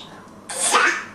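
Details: A single short, sharp sneeze after a brief quiet intake.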